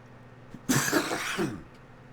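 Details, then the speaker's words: A single harsh cough from an adult man who says he has been sick, lasting under a second with a rough voiced tail. "go hopefully I remember to edit that cough out though I doubt I will you can probably hear it in my voice I've I've been kind of sick"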